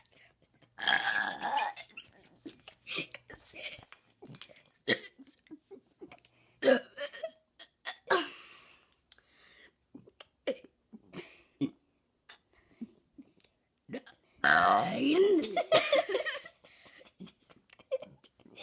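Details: Girl deliberately burping the alphabet and numbers for fun: a long run of voiced belches shaped into letters and numbers, with quiet breaths and pauses between them; burping.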